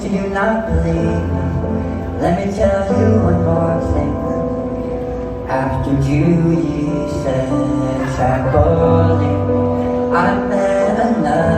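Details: Speech of an adult male who lost 80% of his tongue to stage 4 cancer (partial glossectomy) and was told he would never speak again; he now speaks and sings.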